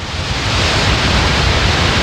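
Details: Simulated tinnitus, amplified neural noise type: a complicated sound overlaid with lots of little components, in contrast to the common pure high-pitched ringing.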